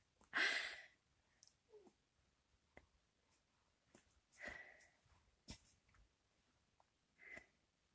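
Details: A single sharp, hissing sneeze followed by a few faint, snuffly sniffs in a quiet room.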